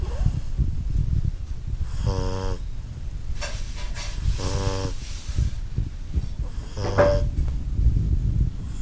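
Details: Kayla sleeping, snoring with rhythmic rattling snores over a loud, low rumbling background noise.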